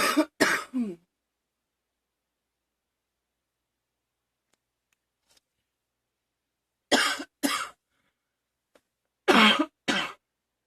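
Three bouts of two to three short, sharp coughs separated by silence, about eight coughs in total.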